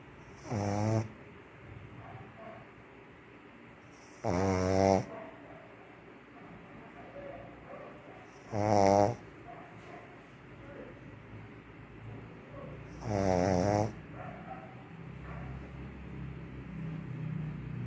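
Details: Max, a pug, snoring while sleeping: four loud, fluttering snores about every four seconds, near 15 a minute, with quiet breathing between.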